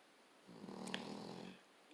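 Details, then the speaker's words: Akita dog snoring, sometimes loud enough to drown out the television: one soft, raspy snore on a breath in, with faint room noise. "that she does and sometimes she does it so loud you can't even hear the television it's called snoring"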